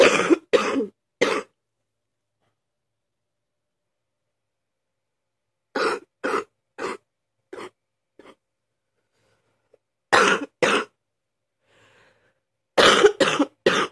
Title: # 82 Sick, waking up coughing 2/2